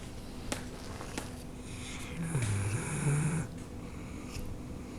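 Low, rumbling breath sounds with a soft rattling flutter over steady room noise and faint clicks; dog snoring.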